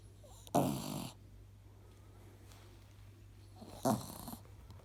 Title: in mama’s arms snoring 💤